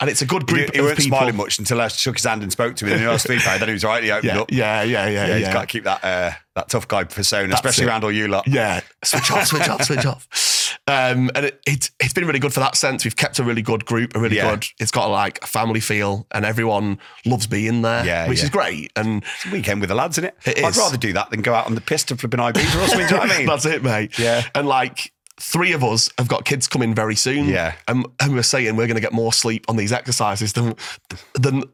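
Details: Adult male former Royal Marine whose stutter began in childhood after stammering while reading aloud at a school assembly; he says it has improved in recent years through practice with voice notes; stuttering.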